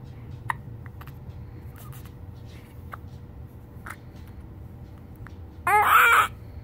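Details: Soft, sharp, irregular catches in breathing, about five in six seconds, then a brief cry from a 9-day-old infant; hiccups with crying.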